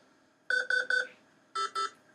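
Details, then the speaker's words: Patient monitor: rapid bursts of three high-pitched beeps, then two more, the highest-priority crisis alarm, distinct from warning and advisory tones; crisis-level monitor alarm. "crisis that's a warning that's an advisory that's a crisis"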